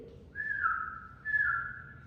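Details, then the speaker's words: Internist imitating a wheeze while teaching that wheezes are usually expiratory, from narrowed airways obstructing outflow: two brief high, steady whistled tones. "Entonces, usualmente las similancias son para fuera expiratorias. ¿Por qué? Porque es una obstrucción de la salida del aire más no de la entrada."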